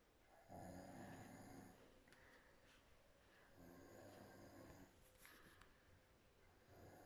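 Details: Woman asleep within two minutes, mouth wide open, with loud rattling snores on each breath in and quieter breathing out between, in a quiet room; snoring.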